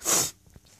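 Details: Sneezing fit with a couple of stifled sneezes, triggered by flowers: one loud, explosive, hissing sneeze, then quiet breathing and small sounds.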